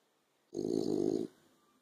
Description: Cosmo the Frenchie snoring in the afternoon sun.